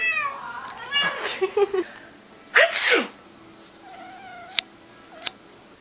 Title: Cat reaction to sneezing!